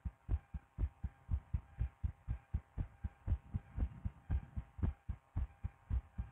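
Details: An adult woman's own heartbeat recorded with a DIY stethoscope: a fast, steady heartbeat with paired low thumps in a quiet room; normal heart sounds.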